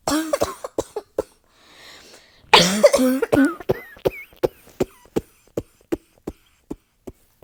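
Rapid run of harsh coughs, then a long series of short coughs with little pause between them, a sustained coughing fit.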